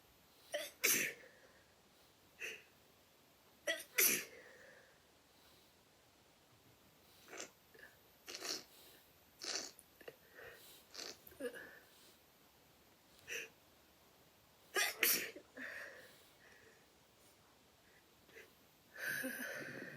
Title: My sneeze